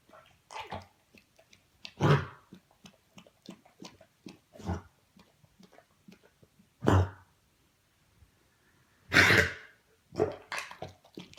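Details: Dog on day 16 of rehab gives about five harsh, hacking cough bursts with quiet pauses; kennel cough, caught from another dog that picked it up at doggie day care.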